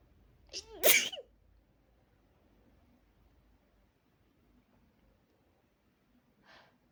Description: i was practicing my girly sneezes, and as you can see, it worked at first. But soon enough, the trigger was too much for my nose to handle, and I end up with these